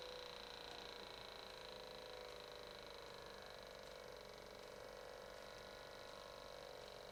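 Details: Home automatic blood pressure monitor started with the green button for a retest after 10 minutes of rest; steady motor whine with a high tone as the cuff pumps up: cuff inflating.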